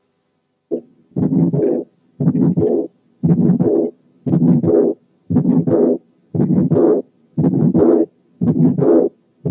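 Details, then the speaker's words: Severe pulmonary hypertension, stethoscope at the left 3rd–4th intercostal spaces beside the sternum: regular heartbeat near 58 a minute with ejection systolic murmur, loud second sound, and early diastolic murmur from pulmonary valve ring dilatation. "إذا إحنا حطينا السماعة على third and fourth spaces to the left of the sternum في حالات severe pulmonary hypertension هنسمع الـ ejection systolic murmur وهنسمع الـ loud second sound، لكن كمان ممكن نسمع an early diastolic murmur نتيجة الـ dilatation of the pulmonary valve ring زي"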